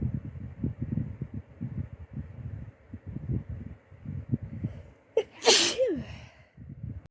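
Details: Person almost recovered from flu: low rumbling background, then one sharp, loud sneeze with a short indrawn breath and trailing voiced release.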